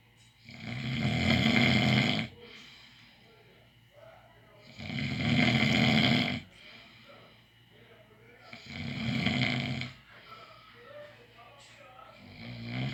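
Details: Three loud, harsh snores about four seconds apart, around 15 breaths a minute: snoring during sleep.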